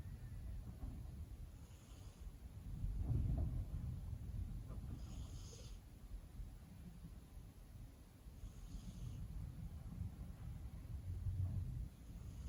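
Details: Female cat napping: soft, low rumbling snores with faint airy breath sounds about every three and a half seconds, roughly 17 breaths a minute; snoring.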